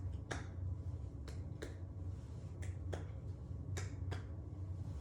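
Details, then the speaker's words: Sharp finger taps, seven in about five seconds, in a quiet room: a student nurse percussing each quadrant for masses during a head-to-toe assessment of a patient born 1998, 5'1", 125 lb. "I'm now going to percuss it on each quadrant to see if there's any masses."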